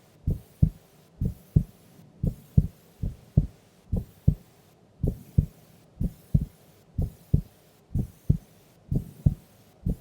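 Steady two-part lub-dub heartbeat at about 70 beats a minute, clean and even, with no extra sounds. Normal resting heart sounds.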